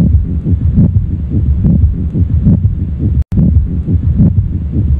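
Repeating rough, scratchy heart sounds over a low rumble, typical of a pericardial friction rub.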